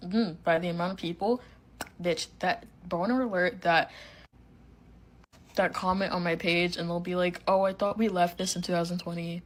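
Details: Young woman with Tourette syndrome whose tics include hitting herself and saying words sporadically; her tics wax and wane; vocal tic (Tourette syndrome).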